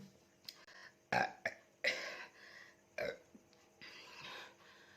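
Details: Burping challenge after drinking Coca-Cola, real burps: several loud, rough belches in quick succession with faint music behind.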